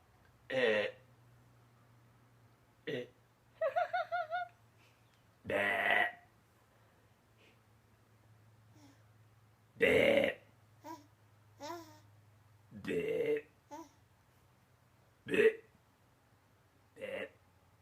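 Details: Several loud, throaty burps, each followed by a child's giggles and laughter, in a quiet room: a child laughing at burps.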